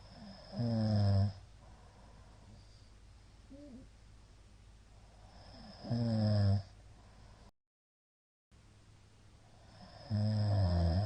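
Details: Middle-aged man's (ojisan) snoring during sleep: loud, irregular snores separated by long quiet gaps with faint shallow breathing; frequent shallow hypopneas suggest obstructive sleep apnea syndrome.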